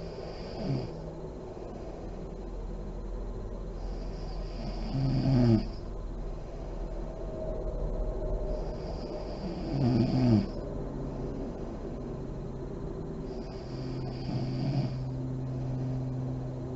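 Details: Adult woman (a mother) asleep with lights on, described as deep REM sleep: slow, deep breathing, about 12 a minute, with a soft snore and lip-fluttering puff on each exhalation; snoring.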